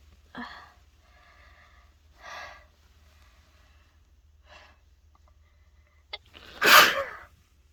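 Several sharp inhaled gasps and brief bursts, ending in one loud explosive sneeze; repeated sneezing after sneezing powder.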